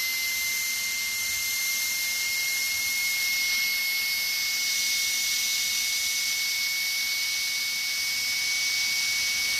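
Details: Steady high-pitched whine with a hissing edge, the running sound of a dentist's drill, from a sound-effect recording.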